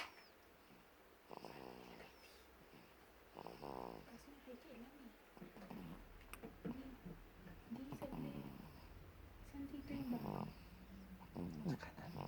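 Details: Irregular soft snorting and whistling snores with short squeaky sounds from a sleeping little baby, over faint room noise; snoring.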